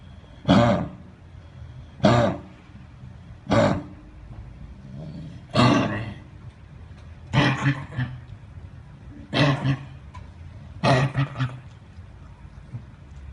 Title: Dog Coughing